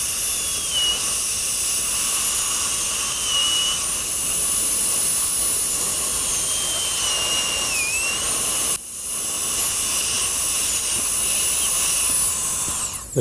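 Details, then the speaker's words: Steady high-pitched high-speed dental drill whine, dipping under load as a number one round carbide bur cuts dimples in lingual recesses of maxillary anterior abutment teeth, seating pinholes for a 3-unit bridge. "this happens to be a number one round bur you can use either a half or number one carbide and the purpose of this is just to make a seat for the twist drill when we do drill with the pistol"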